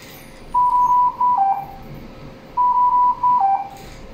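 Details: Dräger Infinity C500 ventilator alarm during a basic-use demonstration, while square flow and inspiratory time are adjusted: repeating mid-pitched electronic tones, two bursts about two seconds apart, over room hum.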